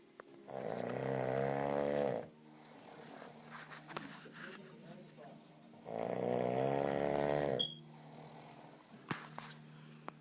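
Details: Sleeping person snoring like a pig: two long, loud, buzzing inward snores about four seconds apart with quieter breathing between; heavy snoring.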